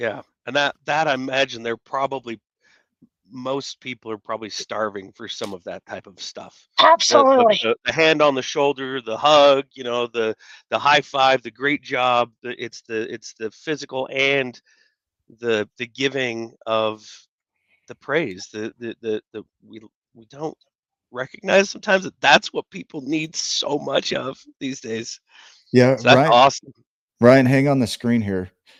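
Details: Adult man speaking; normal conversational speech.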